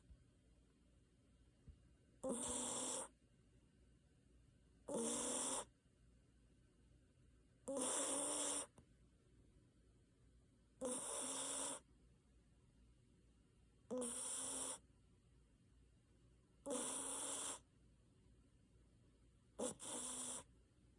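Seven regular snoring bursts in 21 seconds, about 21 breaths a minute, each a rough, hissing, fluttering sound on the breath.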